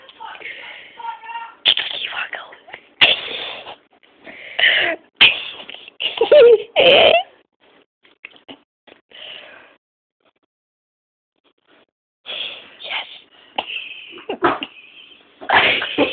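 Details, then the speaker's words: Several sharp sneezes from a male, with build-up breaths and pauses, some deliberately forced, while others talk and laugh nearby. "oh he sneezes like a crackhead imagine you do like cocaine"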